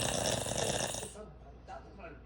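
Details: Father snoring heavily.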